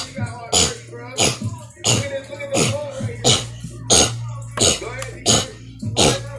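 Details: Nine short, forceful cough-like bursts in about six seconds at a steady pace while demonstrating a hair twist sponge; person says they have Tourette's; repetitive coughing vocal tics of Tourette syndrome.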